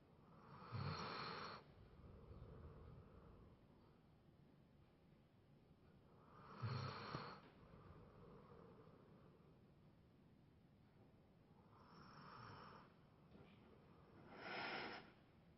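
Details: Tired Labrador dog during a mid-morning nap: slow, rumbling snores at about ten breaths a minute with quiet pauses between; ordinary sleep snoring.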